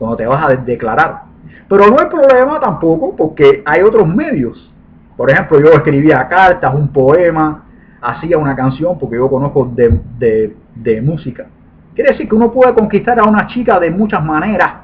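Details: Adult man with lifelong stuttering since birth, about 40 years, which he describes as genetically inherited.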